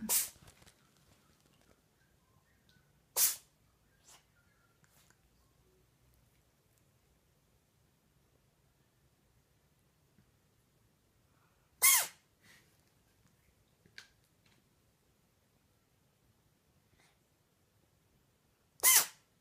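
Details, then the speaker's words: A kitten that has reportedly sneezed about 20 times in a row gives four short, sharp sneezes over about 19 seconds in a quiet room. The owner thinks something is irritating its nose; repeated sneezing. "Seller's kitten, Pharaoh, cannot stop sneezing. He's already sneezed like 20 times in a row. I think something's probably just irritating his nose."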